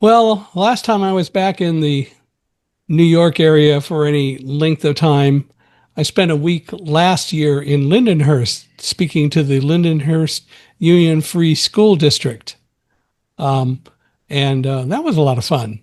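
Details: Adult male speaker; Normal speech.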